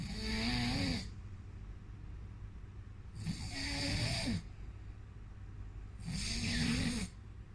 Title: "Snoring"